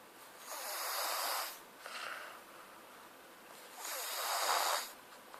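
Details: Two long, hissing, breathy snores about four seconds apart, each followed by a softer exhale, in a quiet room; snoring.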